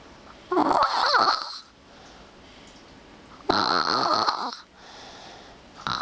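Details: Sleeper at 8 AM, relatively quiet compared with louder snoring in deep sleep about 30 minutes later: two loud, rough, fluttering breaths about three seconds apart, quieter breathing between, about 20 breaths a minute; snoring.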